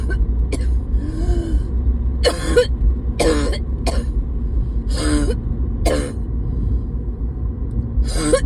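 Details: Roughly five separate harsh coughs at irregular intervals over a steady low engine-like rumble, like a car engine: repeated coughing.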